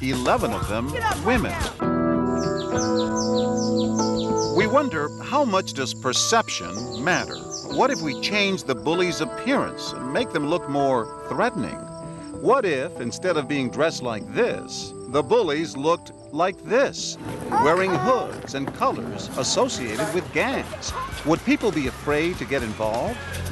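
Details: Adult narrator speaking over background music; ordinary speech.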